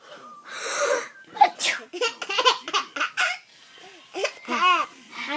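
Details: Fake sneezing recorded in 2014: playful imitation sneezes with breathy bursts, followed by a young child, the little brother, giggling and laughing at them; mock sneezes, not real ones.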